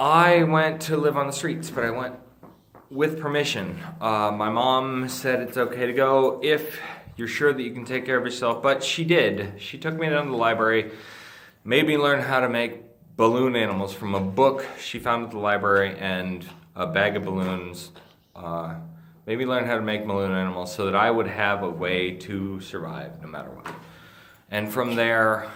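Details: Ataxic dysarthria in an adult male with Friedreich's ataxia, a degenerative neurologic disease that he says slurs his speech and impairs swallowing.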